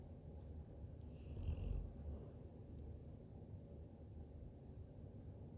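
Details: A pet snoring: a soft, steady low rattling rumble with a slight swell partway through.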